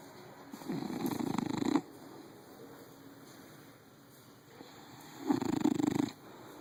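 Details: Two rattling, purr-like snores about four seconds apart, each lasting around a second, over quiet room noise; snoring of a sleeping cat.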